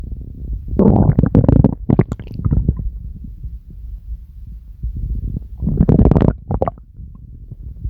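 Loud low gurgling and rumbling in two long bursts, ordinary stomach growling produced on command.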